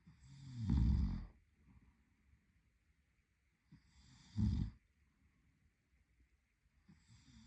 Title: Snoring Boyfriend | My favorite Whitenoise